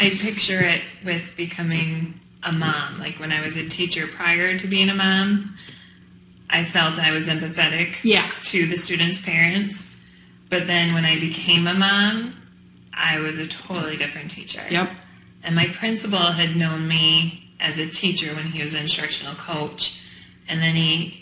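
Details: Adult woman speaking; normal speech.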